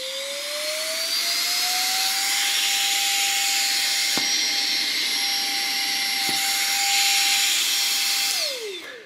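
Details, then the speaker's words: Battery-powered baby nasal aspirator (Nosiboo Go Baby) switched on: small motor whine rising to a steady high-pitched suction hum, then winding down; quieter than the larger unit but with sufficient suction. "ist nicht ganz so laut wie das große gerät aber von der kraft her völlig ausreichend"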